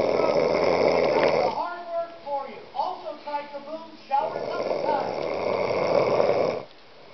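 Loud, rough snoring sounds on the breaths, with television talk in the background; ordinary snoring during sleep.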